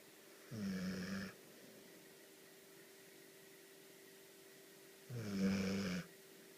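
Two loud, rough, vibrating snores about four seconds apart over quiet room hum; snoring in a sleeping dog.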